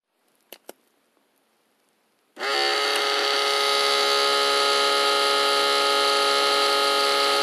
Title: Blood Pressure Machine - Sound Effect [HD]